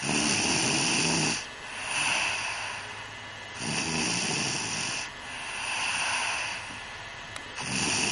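Loud, rough, rattling snores on each breath in, about 16 a minute, with quieter breaths out between them. Snoring.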